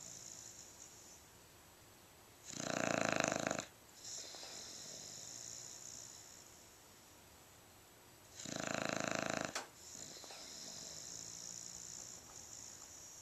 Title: snoring